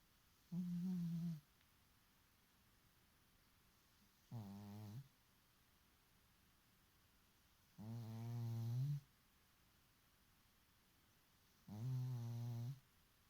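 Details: Sleeping cat: four low, buzzing snores with quiet pauses between, about 16 a minute; steady snoring.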